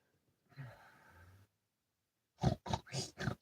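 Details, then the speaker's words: Two dozing dogs snoring together: a soft rumbling breath, a pause, then four loud, low, grunting snorts in quick succession. "is that kef and Chico snoring at the same time at the same time is that what I'm hearing yeah it sounds like a con coffing you snores"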